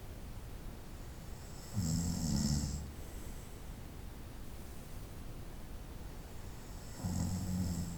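Two low, rumbling snores about five seconds apart over steady background hiss, with quiet breathing between.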